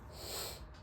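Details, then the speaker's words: Single short, wet congested nasal sniff from an adult man with a cold and fever, taking medicine, with a lowered voice from the cold. "તમે જોવ છો શરદી અને તાવ જેવું છે હમણાં તો દવા તો લીધી છે. હવે શું કહેવાય કે થોડોક અવાજ ડાઉન છે મારો."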